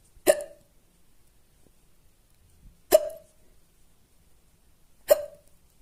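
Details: Three loud, abrupt hiccups after eating spicy food, each a sharp gulping catch about two to three seconds apart in a quiet room.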